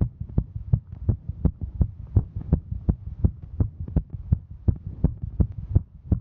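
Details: Female hiking: quick, steady, regular heartbeat of about 165 beats a minute over a low hum; normal heart sounds at a fast rate with exertion.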